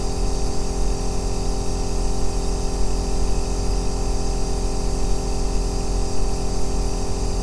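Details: Continuous deep rumbling hum with a steady low drone and no pause, a 2-hour recording of an aerosol nebulizer used as sleep background sound; aerosol nebulizer running.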